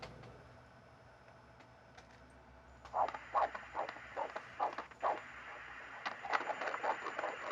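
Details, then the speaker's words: Fetal heartbeat on Doppler during a prenatal ultrasound at the stage for determining baby's sex: rapid, regular whooshing pulses at about 157 beats per minute, called very good; normal fetal heartbeat. "so that little heartbeat is 157 very good"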